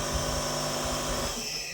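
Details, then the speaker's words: Nebulizer compressor started for a medication treatment in a nursing skills demonstration: steady loud mechanical hum and buzz. "All right, so we're gonna get this baby started, okay, making sure that the medication is coming through both ends of the tube."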